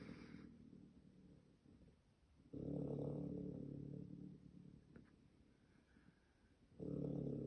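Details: Low, rumbling snores roughly every four seconds, with quiet pauses between, from a sleeping pet raccoon.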